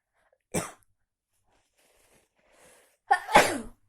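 Two sharp explosive bursts, the second preceded by a quick inhaled catch, in a quiet room: sneezes.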